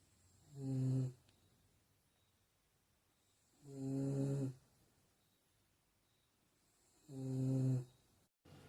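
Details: Snoring in a sleeping person: three loud, low, rattling snores on inhaled breaths, about 18 a minute, with quiet pauses between them.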